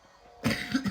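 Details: Single abrupt adult cough after a moment of quiet room tone.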